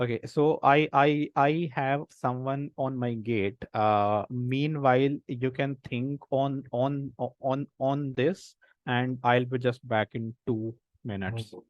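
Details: Real stuttering in an adult man, a senior volunteer of an Indian self-help association of people who stammer, with word repetitions while hosting a session; stuttering.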